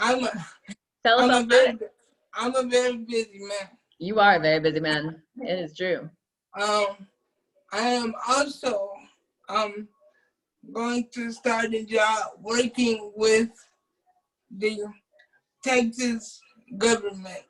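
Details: Adult man with cerebral palsy who uses a wheelchair, whose family was told by doctors at birth that he would not be able to speak; speech in cerebral palsy (dysarthria).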